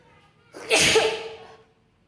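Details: Tickle-induced sneeze: a short intake of breath, then a single loud, hissing sneeze that fades out over about a second.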